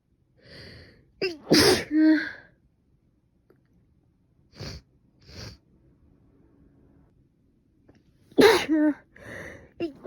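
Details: Woman sneezing repeatedly after waking in the morning, then nose stuffed up: two sharp explosive sneezes, each with a quick breath in before it, plus brief vocal sounds and short breaths between.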